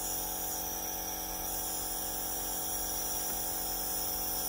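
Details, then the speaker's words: Beurer IH 21 compressor nebulizer switched on and running, giving a continuous even mechanical hum with a faint hiss; sound changes with the low/medium flow setting. "इसका कम ज्यादा होता है इसको on कर रहे हैं हुआ है मैं अभी अंदर हम इसको बोलते हैं लोग हमसे बढ़ जाएगा इसका साउंड भी चाहिए जाएगा"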